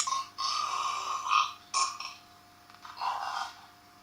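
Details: Sound-effect burps from a burping soundboard app: a few drawn-out, croaky belching sounds over a steady electrical hum; not a real recording of a person.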